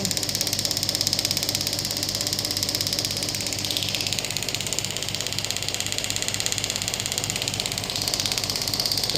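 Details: Pneumatic radial ESWT shockwave therapy handpiece firing; rapid, steady ticking pulses, about 200 a minute, over a hissing hum.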